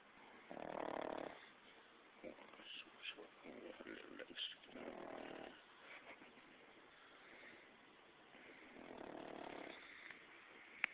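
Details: Sleeping pug puppy snoring: rhythmic nasal snores, about four snoring breaths in eleven seconds with snuffly sounds between; ordinary snoring in a flat-faced dog.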